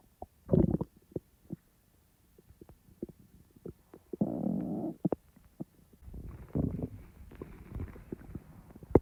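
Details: A person's own abdominal bowel sounds, not recorded in real time: scattered gurgles, pops and brief rumbles amid quiet stretches; ordinary digestive borborygmi.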